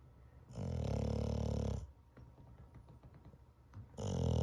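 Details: Dog snoring in sleep, recorded Feb 4, 2021: loud, rough, vibrating breath sounds in long bursts with quiet pauses between; heavy snoring.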